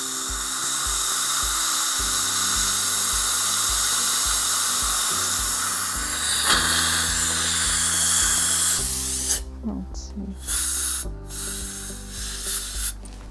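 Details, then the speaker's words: High-pitched whine of a dental drill over background music, running steadily then in short bursts, refining grooves and adjusting the bite of a new composite filling on tooth #14 in a 39-year-old patient. "so here i'm going to refine my grooves and adjust occlusion all at the same"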